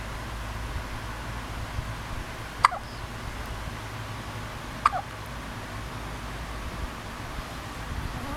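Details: An awake infant hiccuping: two brief, sharp little hiccups about two seconds apart over quiet room noise.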